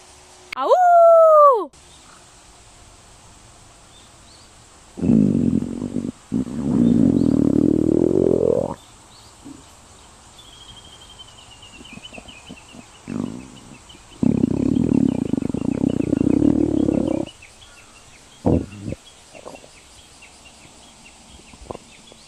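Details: Loud rumbling stomach growls, with a brief squealing gurgle at the start: normal bowel sounds (borborygmi).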